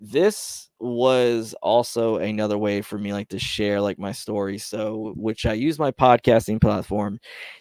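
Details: Stuttering in a man who reports his own stutter, speaking on a live stream; word repetitions are heard.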